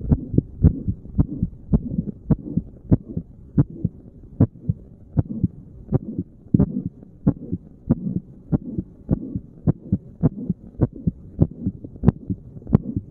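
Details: Resting heartbeat while sitting, self-recorded at one of various chest spots by a layperson: steady, regular lub-dub at about 70 a minute; normal heart sounds.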